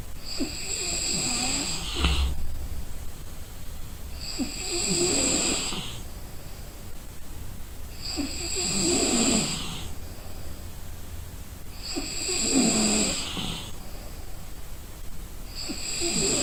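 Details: Exhausted person snoring in deep sleep; regular rasping snores with a hissing edge, about every 3.5 seconds (roughly 17 breaths a minute), over a low background hum.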